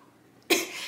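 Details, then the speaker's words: Vocal tic in a person with Tourette syndrome, occurring while speaking about their most annoying tics; talking about a specific tic can trigger it. A sudden, brief throaty vocal burst breaks the quiet. "so next one is um what is the most annoying tick you have ever had so i'm not even going to talk about the worst one or like it's going to make me suffer the consequences of doing it"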